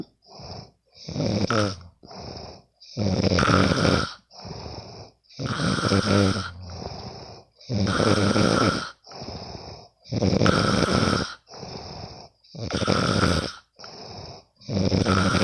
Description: So i will record my bff snoring...